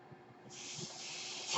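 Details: A home mechanical ventilator breathes for a person speaking in a recording: a quiet pause gives way to a steady rushing hiss of delivered air that swells at the end, one ventilator breath cycle.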